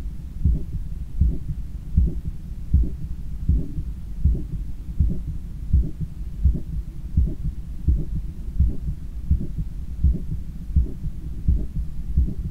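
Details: Own heart sounds via stethoscope after a 10 km run, lying on a daybed turned onto the left side while trying to control breathing: strong, regular low forceful beats at about 83/min; normal post-exercise heart sounds.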